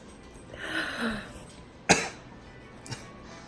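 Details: A sneeze triggered with a Q-tip and recorded up close: a breathy build-up, then one sharp explosive burst and a small second puff.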